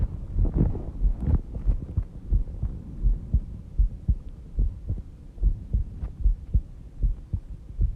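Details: Self-recorded heartbeat while sleeping, at 5:30 am, with a rate stated as about 70 bpm: soft, steady low thumps with a faint hum underneath; a normal slow resting heartbeat.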